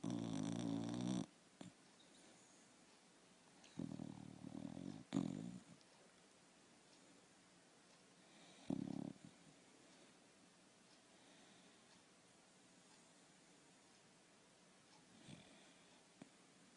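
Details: Light snoring from a sleeping dog: a few soft, snuffly snoring breaths at irregular intervals, separated by long quiet stretches.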